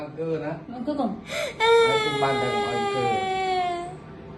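A child whimpers, then breaks into a sustained, high wailing cry in a small room: crying during ear cleaning.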